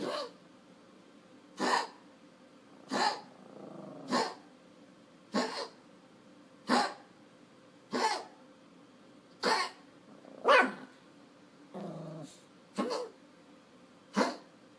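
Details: Luka, a Pomeranian dog that reverse sneezes two to three times daily, makes a run of sharp, repeated honking snorts: reverse sneezing fit.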